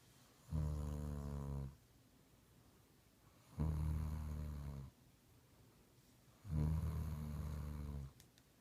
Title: Snoring II